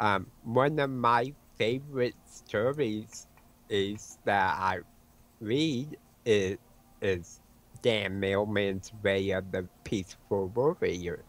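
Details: Adult man with autism and a self-reported speech impediment; he says his words sometimes break up and he repeats words mid-sentence when his mind wanders; speech impediment with disfluencies.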